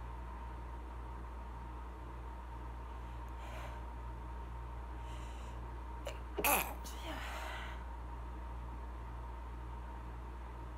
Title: Stifled sneezes from hair conditioner spray